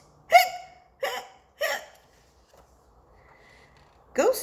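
Four sharp, voiced hiccup sounds roughly a second apart, quiet between them; staged hiccups from a cartoon.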